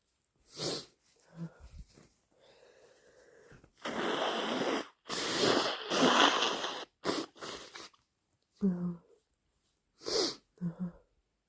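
Short sharp sneezes with wet, forceful nose-blowing between them; repeated sneezing with nasal congestion.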